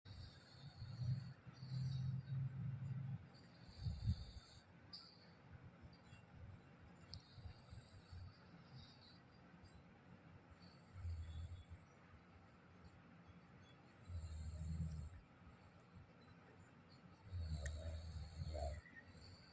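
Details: Adult man (a father) snoring: low rumbling snores returning every few seconds over steady insect chirping in the background; ordinary snoring.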